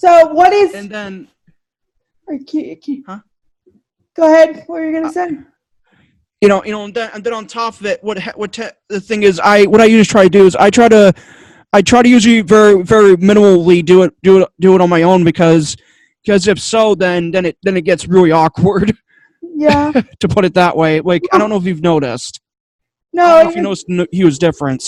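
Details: Adult male podcaster with two diagnoses, including autism, who says he stutters a lot, especially when unsure what he wants to say; stuttering.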